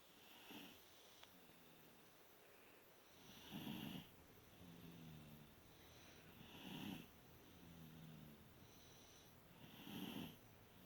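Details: Very tired sleeping toddlers after a long day: soft, regular snoring, about 19 breaths a minute, with snorty inhalations and quieter exhalations between them.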